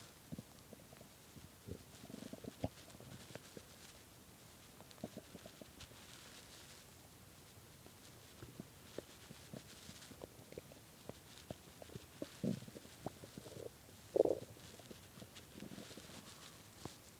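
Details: Very hungry stomach after skipping lunch and dinner, growling badly at 3 am: soft gurgles and bubbling rumbles with a few louder growls in a quiet room; hunger borborygmi.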